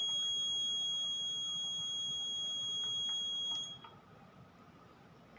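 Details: Steady high-pitched electronic alarm tone from a syringe pump during setup, possibly due to air in the line, stopping after a few seconds.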